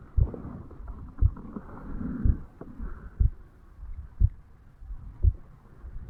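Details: Heart sounds of a 35-year-old male, self-recorded over the mitral (bicuspid) valve area on waking in the morning: steady, low heartbeat thumps at about 58 beats a minute, with faint rustling.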